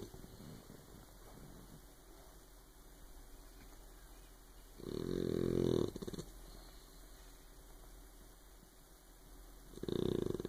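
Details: Sleeping puppy snoring: two rattling snores about five seconds apart, roughly twelve breaths a minute, with quiet breathing between.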